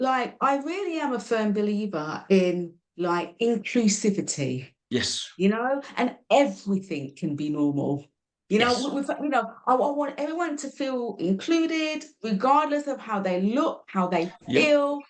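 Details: Adult speaker, podcast interview; Conversational speech.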